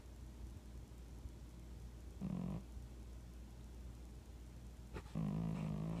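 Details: Cat snoring.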